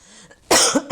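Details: Adult woman coughing while speaking, who says she has lost her voice: a single loud, harsh cough burst after a quiet moment, with a second one beginning at the end.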